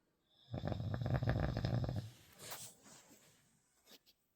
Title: Snoring...